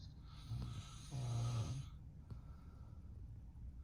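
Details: An adult man (the dog's owner) snoring in the background while a golden retriever sleeps: low rumbling inspiratory snores, two breaths heard, with quiet room noise. Ordinary snoring.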